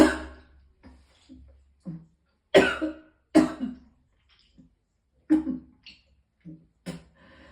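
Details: Person in extreme pain with repeated vomiting: harsh, forceful coughs with throat-clearing and retching sounds between, in a quiet room.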